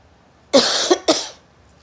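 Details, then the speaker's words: Two harsh, breathy, noisy cough bursts in quick succession from an adult who is struggling with coughing while recording. "even through the struggling of coughing I'm still pushing through this audio because I am very proud and I'm very honored to have a platform"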